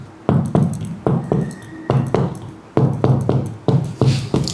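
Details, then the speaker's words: Finger percussion down the right midclavicular line from top to bottom in a teaching demonstration, resonant notes turning dull where lung meets liver, marking the lung-liver border. "Nah, apabila terdengar suara sonor menjadi redup maka itu adalah ee batas dari paru hebar."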